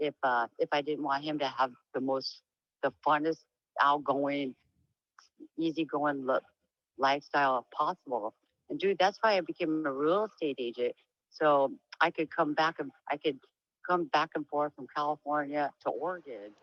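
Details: Woman with diagnosed Huntington's disease; voice noted as low and much changed from before, she reports sometimes stuttering, and tends to lose topic and trail off; speech changes in Huntington's disease.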